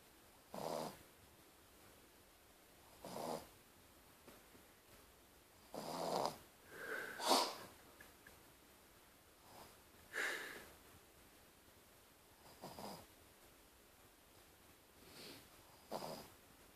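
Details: Sleeping dog snoring: soft snuffling snores recur about every three seconds, with an occasional snort and whistle.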